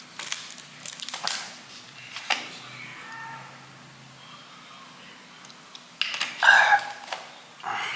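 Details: Hiccups during a mukbang eating recording: several abrupt, brief gulping bursts with short squeaky catches, separated by quiet room noise.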